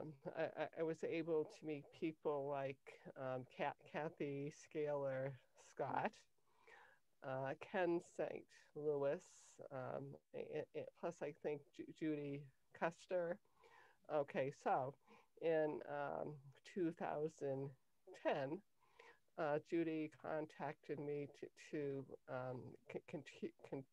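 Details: Cluttering in an adult woman, onset in early childhood; language-area speech problem diagnosed at age 10, later identified as cluttering by her speech therapist; trouble organizing thoughts while speaking.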